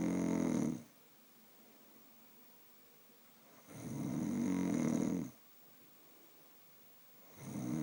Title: Mum snoring